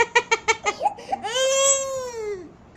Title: Crying baby